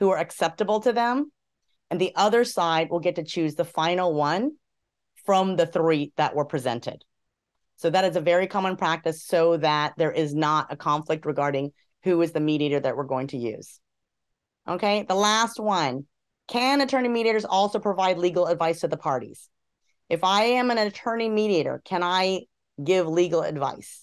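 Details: Adult speaker; ordinary speech.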